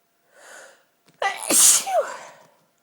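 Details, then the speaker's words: Allergic sneeze from dust allergy: a quiet inward breath, then one forceful sneeze with a sharp burst and trailing voiced sound, recorded while talking. "I thought I'd try and talk to you all while sneezing for my allergies to dust"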